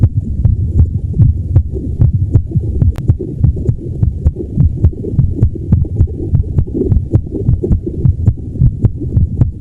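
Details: Self-recorded heartbeat of a woman in her 30s, palliative with MS, who says her heart is irregular. Low, muffled heartbeats at roughly 105 a minute with uneven spacing; irregular heartbeat.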